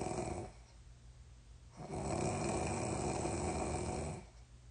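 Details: Person asleep, snoring before a sleepwalking trip to urinate that they do not remember: a coarse, fluttering snore on each breath, then one long noisy breath after a short pause.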